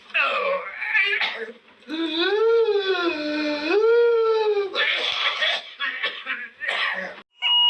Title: Sound of whooping cough,